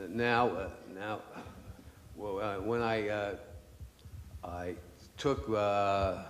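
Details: Adult man with aphasia after a stroke 10 years earlier, which he says made him lose his voice; aphasia.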